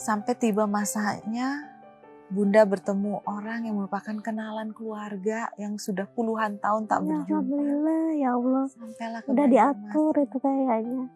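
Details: Adult woman speaking; normal speech.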